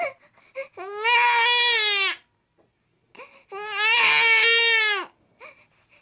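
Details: Infant crying, sound-effect recording: two long, loud, high-pitched wailing cries separated by a short pause with brief whimpers.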